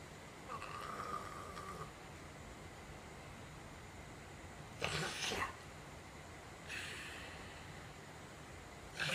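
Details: Stertor in a dog with no nostrils who must mouth-breathe, before his operation: harsh, snorting breaths with a whistly edge; dry mouth, sticky tongue, tiredness and frequent waking.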